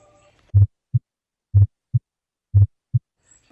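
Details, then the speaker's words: Teaching demonstration of cardiac auscultation points at the tricuspid area, fourth left intercostal space at the sternal border: clean, regular lub-dub at about 60 beats a minute, with normal first and second heart sounds. "Este es el mejor sitio para auscultar la válvula mitral que regula el flujo sanguíneo entre la aurícula izquierda y el ventrículo izquierdo"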